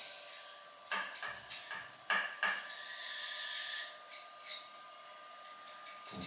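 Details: Cavitron magnetostrictive ultrasonic scaler cleaning yoghurt biofilm and clay from a model of extracted natural teeth in an aerosol test: faint steady high whine, hissing water spray, irregular scraping bursts; ultrasonic dental scaler in use.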